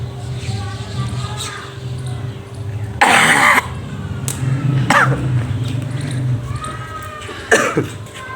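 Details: Adult: several harsh, abrupt coughs, one longer burst then shorter ones, over background music and room noise.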